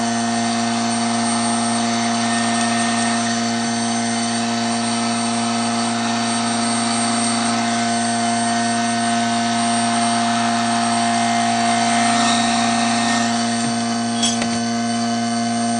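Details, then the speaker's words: Vacuum pump of a home vacuum-forming machine running while plastic is drawn over a dental mold to make a retainer: steady droning hum throughout, faint clatter near the end. "it will draw down the shape over the mold and then I'll let it cool a little bit and then I'll turn the vacuum pump off"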